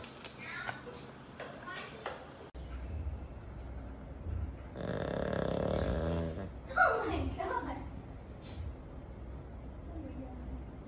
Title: OMG how loud My dog's snoring sound